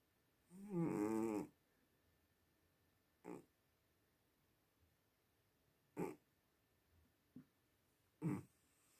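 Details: Sleeping cat snoring: a long rough snore followed by several short snorting breaths in a quiet room. Finding: snoring.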